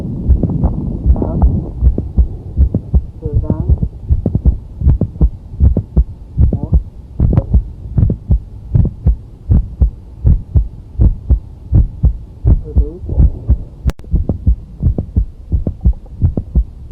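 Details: Heart sound with a mid-systolic click, a sign of mitral valve prolapse; regular heartbeat near 80 per minute, faint voices behind.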